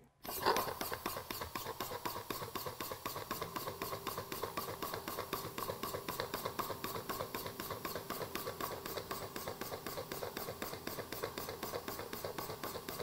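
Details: Percussionaire IPV-1C intrapulmonary percussive ventilation device in bench testing: rapid steady mechanical pulsing, about four per second, with faint hum, on a balloon lung model holding 10 cc viscous simulated sputum connected through a simulated ET tube.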